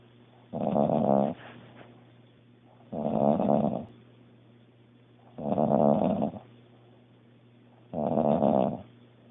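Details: Sister-in-law snoring heavily, likened to a grizzly bear: loud, deep, rattling snores on each breath in, four in nine seconds (about 25 a minute).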